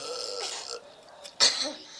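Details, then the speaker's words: Female doing a burping challenge after drinking Coca-Cola: a quiet throaty sound, then one sudden, loud, short belch; burping. "round two i'll be your inspector okay here we go uh this is gross i've never heard myself burp that before"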